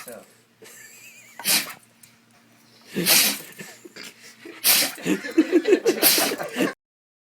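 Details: Cat or dog in a sneezing and yawning animal compilation: several sharp, hissing bursts, a few in quick succession, over faint room noise. Animal sneezing.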